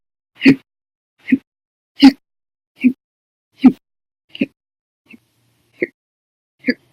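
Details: Persistent hiccups lasting 14 hours after eating breakfast, lunch and drinking soda after dinner: nine abrupt, short vocal gulps at a somewhat irregular rate of about 40/min, some loud and some faint, in a quiet room.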